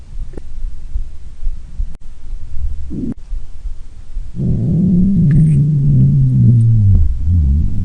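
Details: Stomach growling (borborygmi): low rumbling, then a long gurgling growl that slides downward in pitch.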